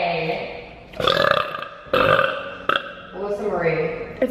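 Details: Loud, prolonged, rumbling belches, about three in a row, one running into voiced sound; forceful burping.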